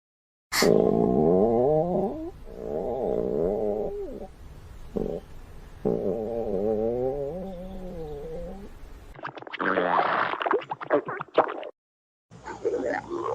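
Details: Female stomach growling: long, wavering, squeaky gurgles rising and falling in pitch, then bubbly rumbles; loud borborygmi from normal gut movement.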